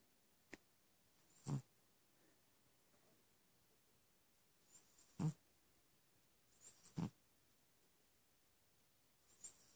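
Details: Persian cat snoring.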